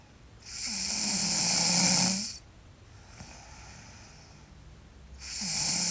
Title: Sleeping Girl Loud Snore